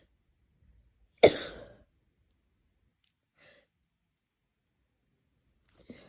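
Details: Self-recorded person sneezing: one sharp, explosive sneeze, then near silence with a faint sniff and a soft nose sound from an attempted nose blow, held back because it was painful.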